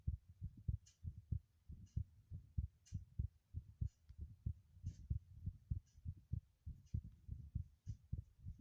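Strong, regular low thumps in pairs at about 98 a minute; a loud heartbeat.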